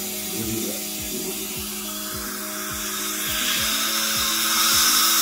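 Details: Dental drill with a high, steady whine over a low hum and regular faint clicks, used on a young boy's tooth cavity during a filling under local numbing.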